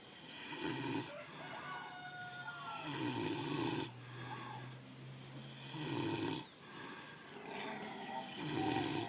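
Slow, rumbling snores with a nasal grunting quality, roughly 20 breaths a minute, from a sleeping pig.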